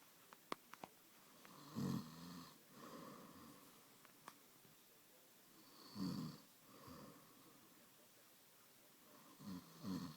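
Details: Snoring: soft, low snores at about 14 breaths a minute, with quieter outbreaths between snores in a quiet room.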